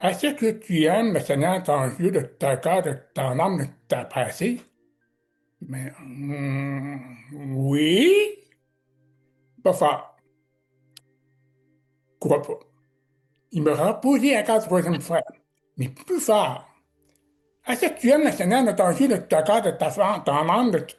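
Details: Man with severe-to-profound deafness who learned to pronounce letters, speaking French; deaf speech.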